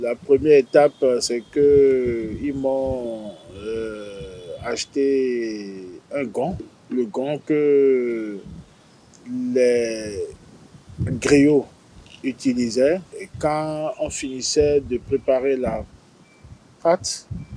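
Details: 43-year-old man with stuttering since age 4, speaking in French; his family once tried a traditional remedy.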